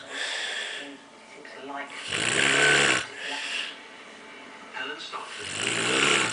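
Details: Man sleeping, recorded January 2014: loud, rough breathing with a rattling quality on alternating breaths, about three cycles in six seconds; snoring.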